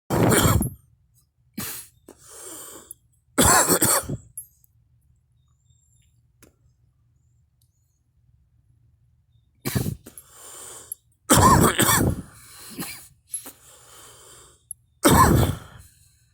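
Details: An adult gives about five loud, abrupt coughs, spaced out, with softer breaths and throat sounds between them.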